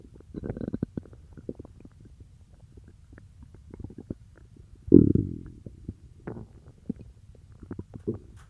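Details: Bowel sounds (borborygmi).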